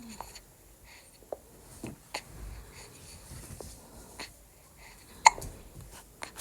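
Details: Baby having hiccups: soft, sharp little catches repeating every second or so in a quiet room.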